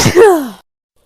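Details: A single short sneeze with a falling voiced tail, from a person in a compilation of rapid sneezes.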